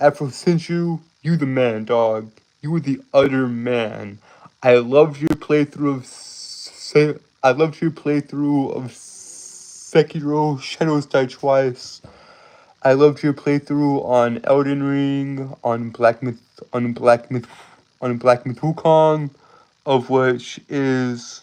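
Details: Stuttering, self-reported speech impediment causing stuttering, tripping over words and irregular breathing.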